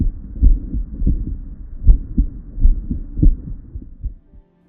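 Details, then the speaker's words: Low, muffled heartbeats with a soft rumbling murmur filling the gap after each first sound: soft holosystolic murmur of tricuspid regurgitation on auscultation. "on oscilation tricuspid regurgitation is a soft holosystolic murmur loudest at right or left midsternal border or in subsid"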